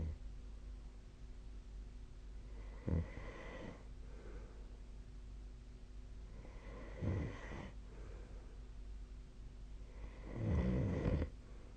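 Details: Snoring during sleep on 2025/03/10: three snoring breaths about four seconds apart, each with a rough, snorting rattle, over steady room hum.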